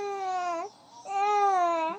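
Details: Baby boy crying from hunger while his mother bathes and father has no milk; two sustained, strongly voiced wails with a short breath pause between, a typical infant hunger cry.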